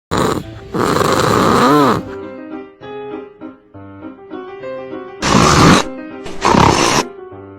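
Two pairs of loud, rough rattling breaths over background music: snoring.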